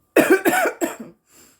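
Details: Adult woman coughing while smoking marijuana: three harsh, wet-edged cough bursts in quick succession, then a faint breath out; irritant cough after inhaling smoke.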